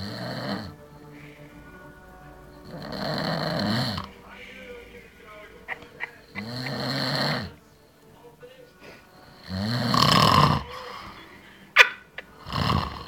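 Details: Loud, harsh snores about every three seconds, rumbling on each breath, with a sharp snort near the end and faint background music; heavy snoring.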